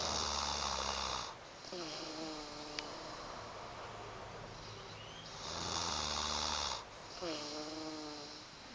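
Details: Person snoring: repeated noisy breaths, some with a whistling, musical quality on the in-breath, over steady background noise.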